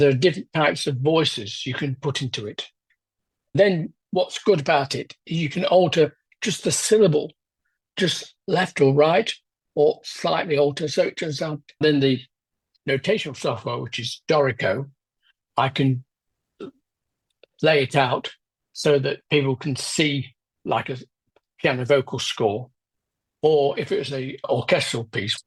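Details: Adult man with aphasia after a left-hemisphere stroke 10 years ago, with word-finding problems and difficulty getting his mouth and tongue to work: aphasia.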